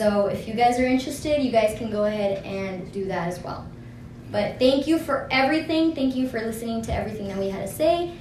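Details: Adult woman; normal speech.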